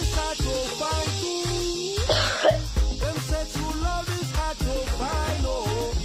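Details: Baby who is not feeling well, coughing.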